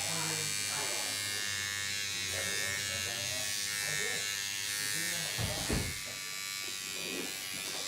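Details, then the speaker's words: Microneedling pen running during a collagen induction therapy with PRP demo, disposable 12-needle tip, adjustable depth and speed: steady high-pitched electric buzz with faint room sound and brief talk in the background. "so it just loads right on to put the pin and then we can turn it on to which ever depth and whichever however fast we want"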